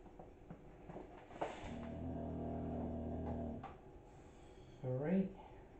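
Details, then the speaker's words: A 9-year-old English bulldog snoring in the background while sleeping: a long, low buzzing rumble, then a brief higher sound, in a quiet room. "Sorry if you can hear a load of snoring in the background, that's Butch. And Butch is an English bulldog and he is 9 this year."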